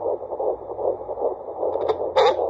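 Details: Normal fetal heartbeat at 12 weeks 6 days on a handheld fetal Doppler: fast, even whooshing pulses at around 150 beats a minute.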